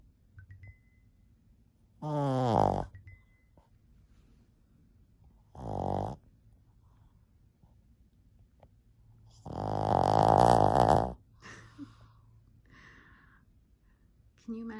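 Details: 14-year-old Shih Tzu dog sleeping soundly: three loud, buzzing snores of varying length separated by quiet pauses, surprisingly loud for a small dog; snoring during sleep.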